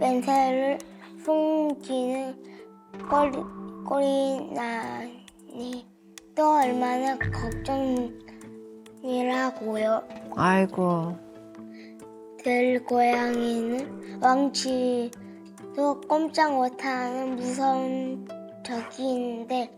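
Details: Second-grade boy with Tourette syndrome and psychiatric medication, whom a clinician says has dyslexia and dysgraphia, reading a Korean passage aloud in a reading test; dyslexia (reading aloud).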